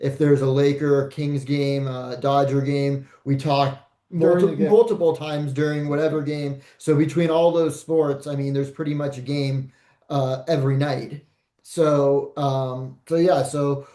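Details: Adult male speaker; normal speech.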